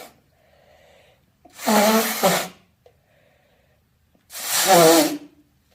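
Two loud, open, voiced sneezes, each with a sharp intake of breath before the burst; ordinary sneezing.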